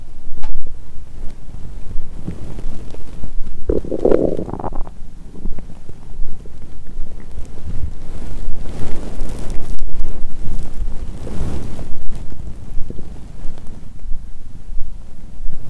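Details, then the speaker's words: Loud, long, low gurgling and rumbling stomach growling from a drunk adult lying on her side in pajamas after breaking a 22-hour fast with a heavy Christmas dinner and wine; feeling nauseous; borborygmi. "दूसरे half में मेरा पेट लगातार गुर्राता रहता है।"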